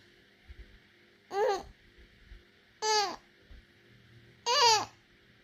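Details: Infant startled by father's sneeze gives three short, high-pitched crying wails in quick succession.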